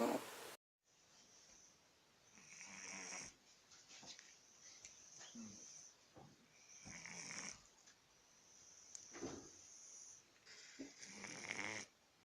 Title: Funny cat snoring when he sleeps